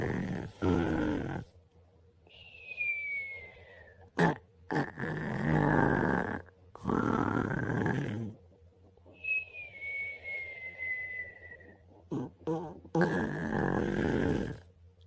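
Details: Snoring in sleep after a long day: loud, rattling snores on each breath in, whistling breaths out, about four breaths a minute.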